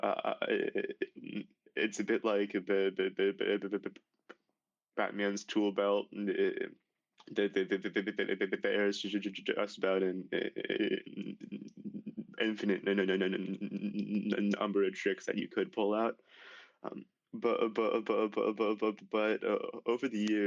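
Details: Male high school senior who began stuttering severely at age 10, with six years of speech therapy; stuttering runs in his family (father and uncle stuttered); stuttering.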